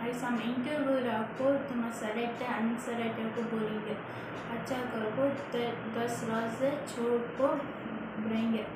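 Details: Stuttering in a presumed client of a stuttering rehabilitation clinic; it is not stated whether this is before or after therapy.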